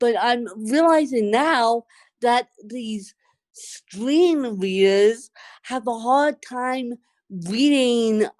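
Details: Dysarthria in an adult who has lived over 30 years with cerebral palsy, speaking conversationally during a podcast interview.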